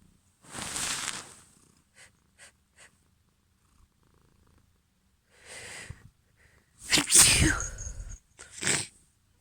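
A run of sharp, wet, hissing bursts with breathy build-ups, about four sneezes, fitting allergy sneezing.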